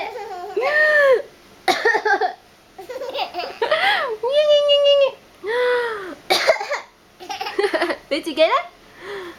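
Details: A few short adult coughs alternating with a baby's high, squealing laughter in a small room; the baby laughs at the coughing, later ends up crying.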